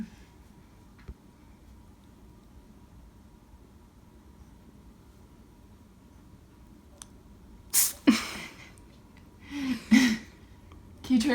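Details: Sneezing from a rescue foster kitten with an ongoing sneezing bout, after being reunited with the mother cat: several short, sharp sneezes in quick succession after a quiet stretch.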